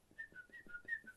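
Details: Adult woman with Tourette syndrome, including coprolalia; whistle-like vocal tic while talking; vocal tic (whistling).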